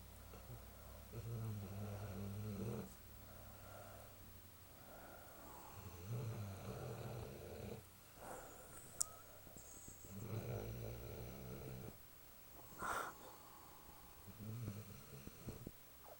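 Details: Snoring during sleep: low, rumbling snores about 14 a minute in an irregular rhythm, with faint nasal snorts.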